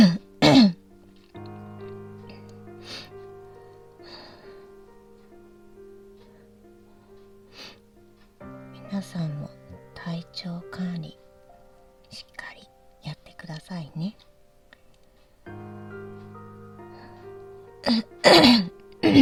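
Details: Adult woman with asthma, in a morning asthma flare with coughing she says won't stop, gives repeated short, harsh coughs in bursts over soft background music: asthmatic cough.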